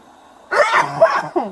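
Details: A short, sharp sneeze burst with a voiced tail, recorded indoors amid conversation and "bless you"; sneezing.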